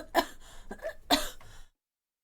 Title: 크헐헐] 감기로 거의 말안함 (동출중) (기침)